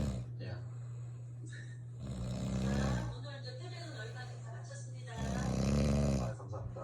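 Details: Adult woman (wife) snoring during sleep at night; loud, rattling, drawn-out snores about every three seconds over steady low room hum; heavy snoring.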